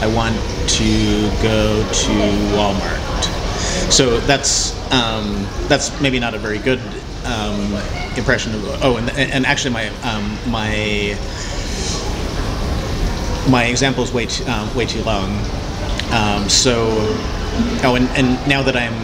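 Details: Cluttering in a man unaware of any speech problem until age 27; his typical disfluencies are repeated words and phrases, interjections, revisions and compressed words.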